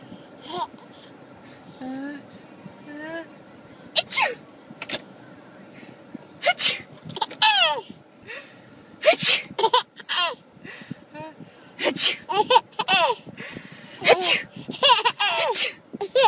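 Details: An adult makes repeated sharp, breathy fake sneezes, clearly simulated, each followed by a baby's squealing laughter and giggles.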